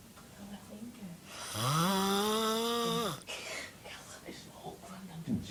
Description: My friends funny snoring enjoy